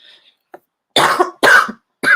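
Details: An adult gives three harsh, forceful cough bursts in quick succession in a quiet room; cough.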